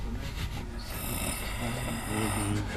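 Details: Snoring from an adult man recorded overnight by a roommate while sharing a room in London; loud, rough, rattling, continuous breathing noise of heavy snoring.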